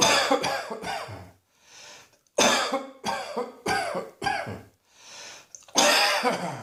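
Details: Repeated harsh adult coughing in bursts, about seven or eight coughs in clusters with brief breaths between; a repetitive cough.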